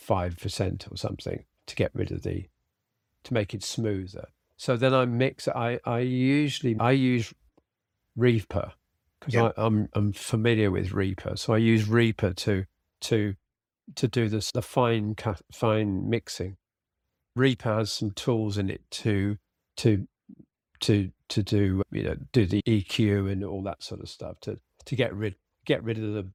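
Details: Aphasia with self-corrections and word repetitions in an adult man following a sudden stroke, treated with speech and language therapy; he reports ongoing reading difficulty and fatigue as the day goes on.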